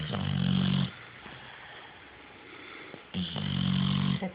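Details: Snoring from a pit bull dog recently adopted from a shelter: two loud, low rattling snores on breathing in, about three seconds apart, with quiet breathing between.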